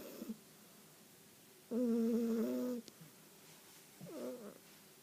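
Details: Sleeping cat snoring: a sustained, whistling, tonal breath sound, then a shorter wavering one a couple of seconds later.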